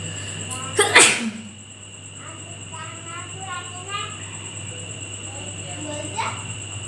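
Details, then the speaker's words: Induced sneezing during a nose sneezing and blowing challenge, eyes watering while trying to trigger sneezes: one loud, sharp sneeze, followed by quiet speech and breathing in a small room with a steady high background tone. "তো আজকে দেখা যাক কটা হাঁচি ওঠে। হাঁচি তুলতে গিয়ে চোখ দিয়ে জল বেরিয়ে যাচ্ছে আমার।"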